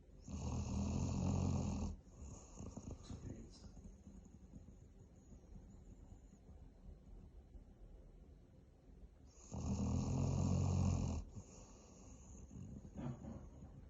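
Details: Tired Bracco dog snoring: two loud, fluttering inspiratory snores about eight seconds apart, with quiet breathing between.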